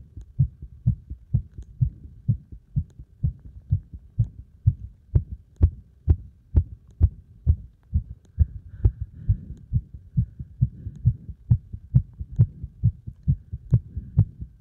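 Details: Fast, forceful, regular heartbeat at about 130 beats a minute, a rapid pounding rhythm of a heart racing under strong exercise load.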